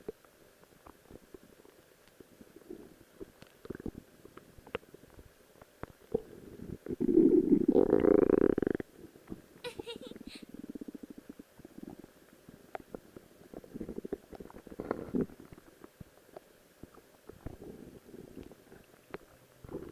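Quiet clicks and gurgles with one longer rising growl midway, faint room hum: ordinary stomach growling.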